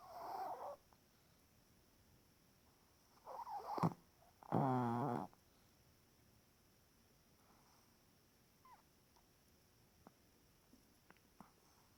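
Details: Chihuahua sleeping, snoring and twitching: a few short, fluttering, snorting breaths with long silent gaps; light snoring.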